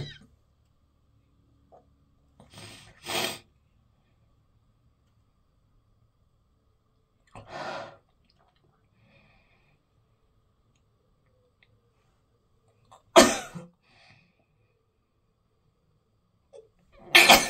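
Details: Four short explosive sneezes spread out over quiet gaps, with a faint intake of breath before some; repeated sneezing from pollen allergy.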